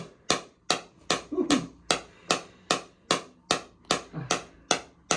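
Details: Chiropractic shockwave therapy, second session, on a runner's left SI joint, hip and low back, with history of sciatic nerve damage; patient reports pain about 5 as intensity is raised. Sharp regular percussive clicks, about 150 a minute; shockwave device in operation.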